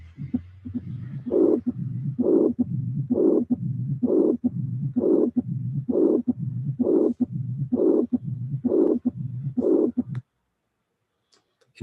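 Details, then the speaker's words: Regular heartbeat near 65 a minute with two murmurs filling each cycle; combined mitral regurgitation and mitral stenosis. "so we have two murmur one is soft high intensity the other one is the thean the other one is wo wo is the aoic marmor putting together you have that means that you have regurgitation and stenosis regurgitation and stenosis"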